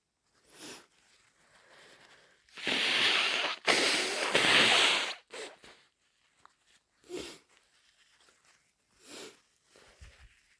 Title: Inducing with my cold (snotty sneezes and blows)